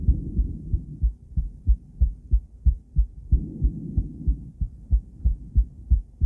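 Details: Female heart on cardiac ultrasound, recorded with a different transducer and combined with ECG: regular low-pitched whooshing Doppler pulses at about 92 beats a minute; heartbeat.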